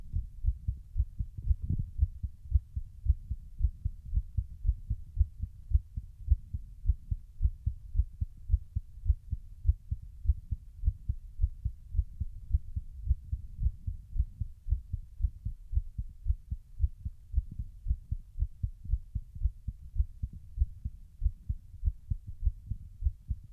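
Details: Normal heart sounds at the mitral area (apex): steady low lub-dub thumps, roughly 110 a minute.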